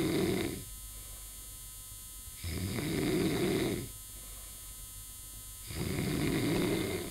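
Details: Snoring recorded while breathing with all holes closed: loud, harsh snoring that comes and goes with each breath, about 19 breaths a minute, over a steady electrical hum.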